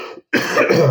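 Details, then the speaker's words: Adult with a lingering cough and hoarse, failing voice since influenza, with a burning feeling in the bronchi: a brief noise, a pause, then one harsh, rough cough or throat-clear. "j'ai une tou et j'arrive pas à m'en débarrasser bon ça va un petit peu mieux je tousse moins mais tu vois je tousse et je sens que ça me brûle au niveau des Bran des des branches des bronches pardon"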